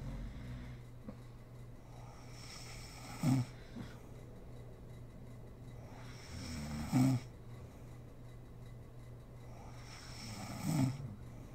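Three low, rattling snores at about 16 breaths a minute, with quiet exhalations between, during sleep.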